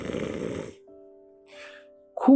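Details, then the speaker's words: Imitated nasal snoring: one rough, fluttering nasal inbreath in which the upper airway vibrates, then quiet with faint background tones. This snore type is said to respond to a nasal dilator and mouth tape. "소리가 날때이 윗부분이 떨립니다. 이런 소리가 나는 사람들은 비강 확장기를 쓰고 입 벌림 방지 테이프를 쓰면 좀 효과가 있습니다."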